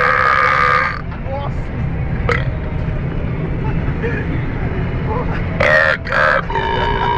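A prolonged deep burp, then a quieter stretch, then a second loud burp broken by a brief gap. Steady background hum.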